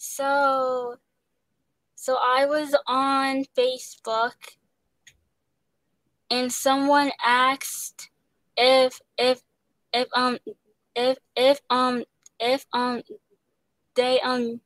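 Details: Young woman actress who stutters, with word repetitions and interjections; stuttering.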